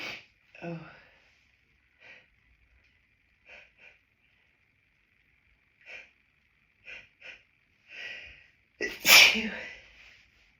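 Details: Many short stifled sneezes and sharp nasal bursts ending in one loud full sneeze; a helpless hay fever sneezing fit recorded in a toilet cubicle after stifling outdoors, with the nose feeling full of pollen.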